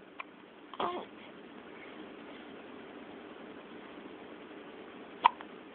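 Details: Baby girl with hiccups: a few short, sharp hiccups spaced seconds apart in a quiet room; ordinary infant hiccups.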